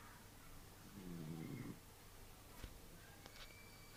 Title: My dog snoring!! Shhhh Listen carefully